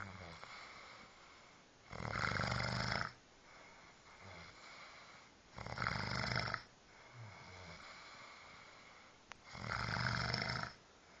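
Three loud rasping snores, about one every four seconds (roughly 16 breaths a minute), with quiet breathing between; ordinary snoring.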